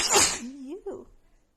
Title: Cold sneezing compilation from my really bad and stuffy cold (f)